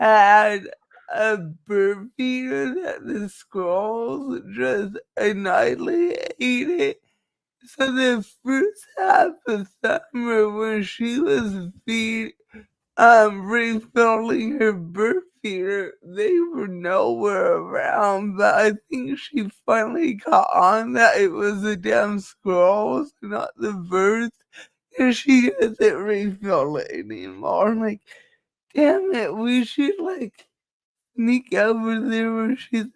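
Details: Woman with cerebral palsy, which she says is why she talks this way and cannot be changed; dysarthria (cerebral palsy).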